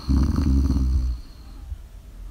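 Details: Person snoring in a live ASMR recording: one deep, low, rumbling snore on an in-breath, then quiet breathing.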